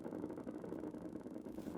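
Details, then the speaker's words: Needle EMG of extensor digitorum brevis during progressively stronger toe dorsiflexion: dense, continuous crackling roar of many motor units firing together, filling the screen; full, normal recruitment pattern. "so i'm looking for the the moto units getting more of them looking at their firing pattern and looking at to see if they fill the screen and they all did and that was good"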